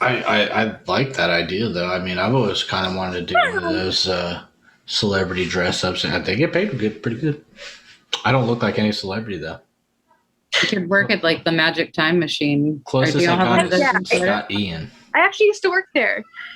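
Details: Adult man speaking in conversation; normal speech.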